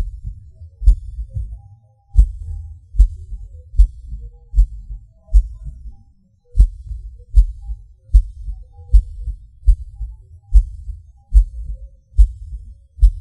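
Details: Person's own self-recorded heartbeat; pauses and hard beats felt as a sudden rush or falling. Low thumps about 75 a minute with occasional longer pauses, skipped and extra beats: irregular heartbeat with premature beats (PVCs/PACs).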